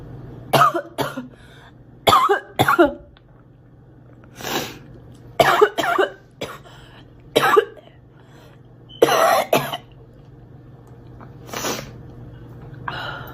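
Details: Girl coughing: about a dozen short, sharp coughs, mostly in pairs, separated by quiet pauses; a plain dry-sounding cough.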